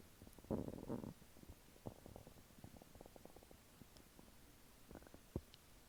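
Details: Bowel sounds from a person's belly after eating chicken nuggets and fries.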